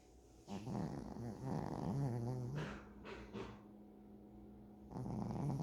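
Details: Sleeping dog recorded close up: low, rattling, growl-like snores on the in-breath; ordinary dog snoring.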